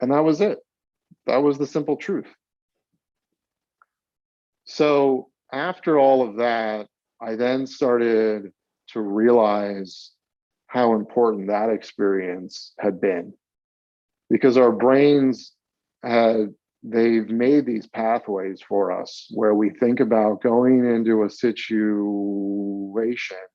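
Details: Stuttering in a 42-year-old man, with onset around age eight and several years of speech therapy during school.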